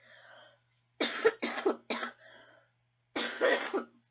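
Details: Four harsh, forceful coughs in a brief fit with short breaths between, from a person who is still coughing.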